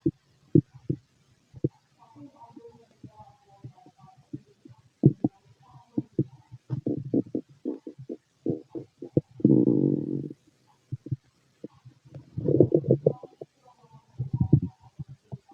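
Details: Fit adult male, stethoscope on the belly: frequent irregular gurgles, clicks and longer rumbling bursts; normal active bowel sounds, stomach growling.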